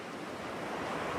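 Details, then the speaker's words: Beach surf nature sound, one of several ocean-wave options for tinnitus sound enrichment in a ReSound hearing aid, played as a tinnitus masker. "जैसा कि आप दूसरे प्रकार के ध्वनि संवर्धन के साथ देख सकते हैं, रीसाउंड में प्रकृति की ध्वनियों का चयन होता है, जो फिर से, विभिन्न प्रकार की समुद्री लहरें हैं।"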